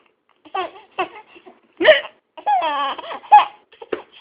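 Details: A mother's hiccups: sharp hiccup sounds mixed with her young son's giggling and babbling.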